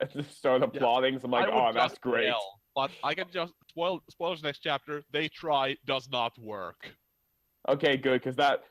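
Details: Adult male speaker; conversational speech.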